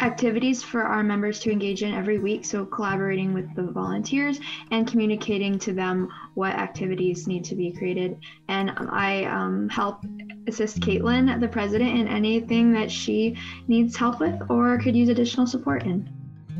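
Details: Young adult speaker(s); normal fluent speech.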